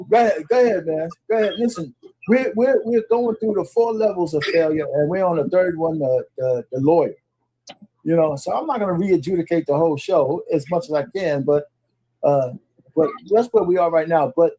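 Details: Adult male speaker; normal voice.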